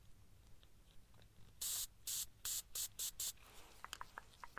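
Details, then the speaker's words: Six short hissing pump sprays in quick succession, then faint clicks: saline sprayed onto a cotton swab during a simulated ASMR role-play ear exam and wax removal of the right ear. "And I'm actually going to take a little bit of saline spray and just spray a Q-tip."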